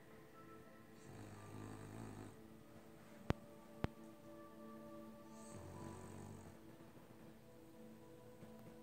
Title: Loki sleeping on the couch and snoring